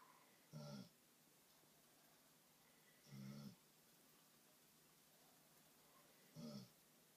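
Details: Sleeping dog snoring: three short, soft snorting snores about every three seconds over a quiet room hiss.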